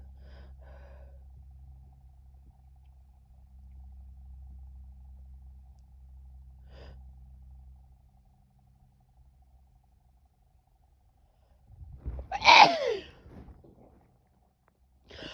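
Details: Female sneezing: a quiet lead-in followed by one sharp, explosive single sneeze.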